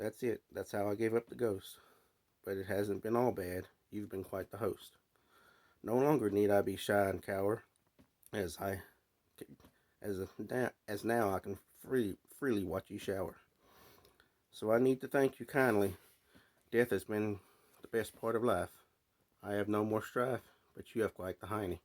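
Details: Stuttering (stammering) in a man who says he stammers, heard while reading his own verse aloud.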